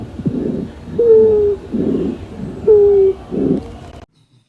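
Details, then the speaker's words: Wheezes: musical, high-pitched, whistling breath sounds on alternate breath phases, caused by air passing through occluded or obstructed airways. "Las civilancias se caracterizan por un sonido musical y agudo parecidos a un silvido que suenan así ya que se deben al paso del aire por vías respiratorias ocluidas u obstruidas"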